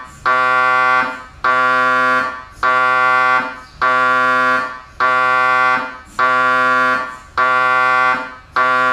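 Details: MRI scanner noise: loud, rhythmic electronic buzzing tones at about 50 a minute, each fading before the next.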